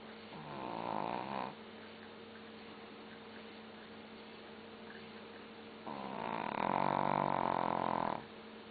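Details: Sleeping long-coat Chihuahua snoring while the TV plays: two drawn-out, rattling snores over a steady hum.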